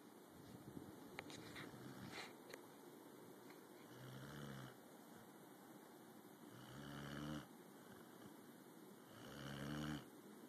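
Three low, rattling snores about 2.5 seconds apart in a quiet room, roughly 23 a minute; ordinary snoring.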